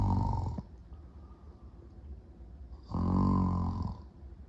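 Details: Two loud, rough, low snores on in-breaths separated by a quiet gap of about two seconds, during a short nap; snoring with sleep apnea.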